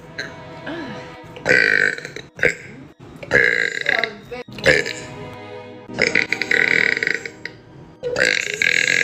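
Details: Several long, loud, rumbling burps with music and voices in the background; repeated belching.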